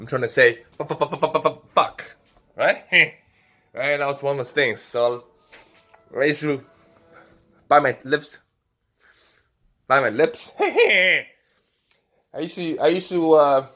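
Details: Vocal tics in an adult man with Tourette syndrome, including a loud throat noise and repeated 'hey' interjections; he also has facial tics and had coprolalia as a teenager.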